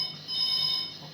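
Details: A short, high-pitched electronic beeping tone from a Yashka advanced ICU ventilator alarm, set off after a pressure change during a settings demonstration.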